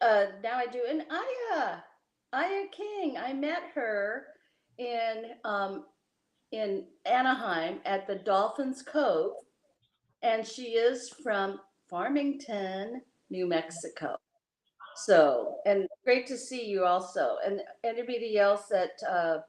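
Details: Adult speaker; speech.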